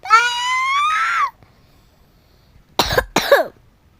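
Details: Player who says they keep coughing, while narrating a Roblox game: a drawn-out voiced vocal sound, then after a pause two sharp, harsh cough bursts in close succession.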